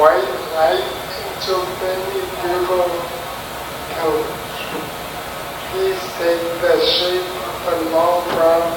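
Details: Ataxic dysarthria in a quadriplegic patient reading the Rainbow Passage.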